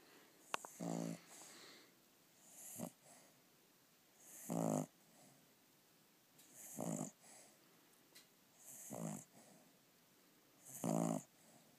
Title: Snoring